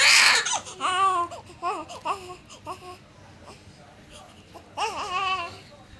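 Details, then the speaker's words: 18-day-old newborn with a history of hospital treatment for jaundice: short, high-pitched cries in bursts with pauses; a typical young infant cry. "এই কান্নার আড়ালে যে কত কথা লুকিয়ে আছে তা একমাত্র মাই বুঝতে পারে। কখনো পেট ব্যথা, কখনো ক্ষুধা, কখনো বা আদর পাওয়ার বায়না।"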